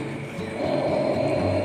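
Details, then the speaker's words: Bronchial breath sounds heard by stethoscope over the suprasternal area in an adult man breathing deeply: loud, hollow, high-pitched airflow, inspiration longer than expiration, normal at this site. "Pada durasi ini inspirasi lebih panjang dari ekspirasi. Tarik napas panjang lagi Pak. Intensitasnya sangat keras dan pitch-nya tinggi."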